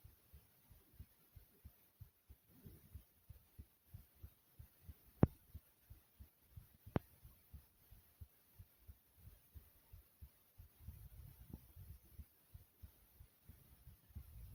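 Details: A person's own recorded heartbeat, described as smooth: steady, regular low heart thumps in an even rhythm, with a couple of sharp clicks; heartbeat.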